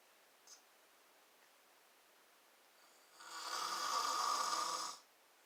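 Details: A single harsh, rattling snore on an in-breath, lasting about two seconds, from the recorder's sleeping father in a quiet room.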